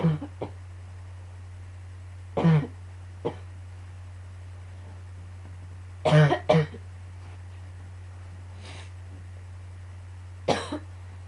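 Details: Recurring coughing fits: scattered short coughs, some in pairs, about six in all, over a steady background hum.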